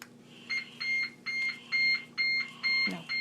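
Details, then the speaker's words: Siemens 900 ventilator set-up on a test lung: regular high-pitched double-tone alarm beeping, about two per second, before being silenced by button. "now to silence the alarm to silence alarm you push that button good"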